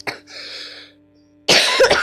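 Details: A sick child coughing: one short, sharp cough at the start, then a loud burst of noise after a pause.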